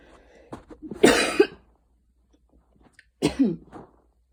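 Two short, dry cough bursts with a pause between them, a light cough after hard running.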